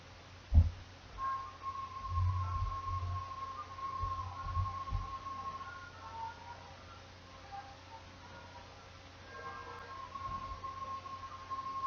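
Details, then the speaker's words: Simulated conductive hearing loss: classical music sounding muffled and softer, as if wearing ear muffs, contrasted with a clear, crisp normal-hearing demonstration. "Hopefully, you were able to hear the difference between the two demonstrations. The first was very clear and crisp sounding and the second demonstration sounded muffled and softer, kind of like you were wearing ear muffs."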